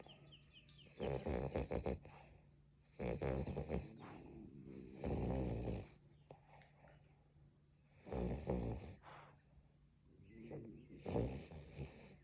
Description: Frenchies snoring 😴 having a little dream as well.